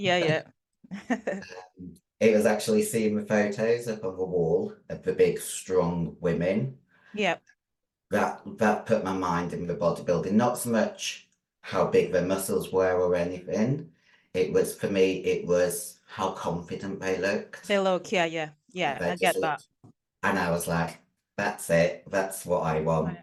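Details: 56-year-old female bodybuilder with androgen-induced voice deepening (virilized voice) after large doses of anabolic/male steroids. Her formerly high-pitched voice is now very deep and she can no longer sing. She also has past liver damage.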